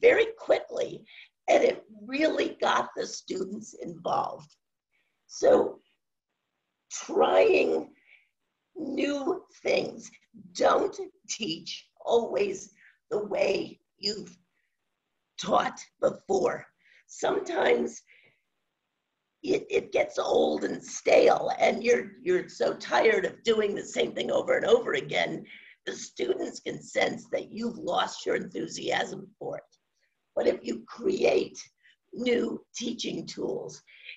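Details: Adult woman with spasmodic dysphonia, which she says has no cure and began around 2010, progressively worsening since; she was awaiting a Botox injection that her doctor postponed; spasmodic dysphonia.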